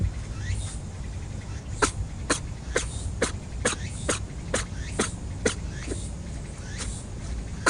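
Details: Repeated sneezing from a free-roaming rabbit on Okunoshima (Rabbit Island), Japan: a run of about a dozen small, sharp sneezes in quick succession over steady background noise.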